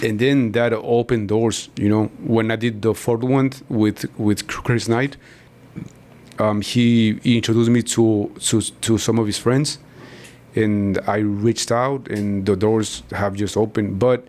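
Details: Man in his 40s, born in Mexico and living in Texas, who has stuttered since about age five or six; his father also stutters and he believes it runs in the family; stuttering.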